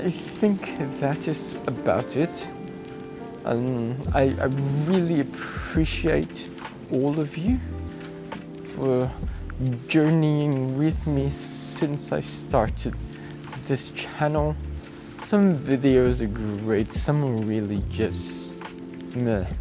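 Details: Adult male cyclist with acquired apraxia of speech that began a few days after a bike crash with head impact and loss of consciousness, about 2 weeks earlier; worse a week before and improving; acquired apraxia of speech.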